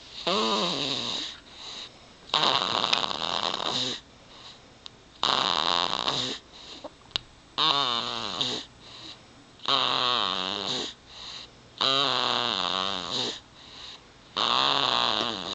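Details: Sleeping baby: regular rattling snores with each breath, about 26 a minute, with brief quiet pauses between breaths; snoring.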